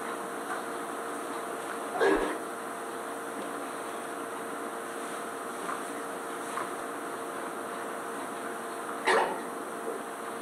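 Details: Sheep lying down in a sanctuary barn, then coughing: two short, harsh coughs several seconds apart over steady barn fan noise.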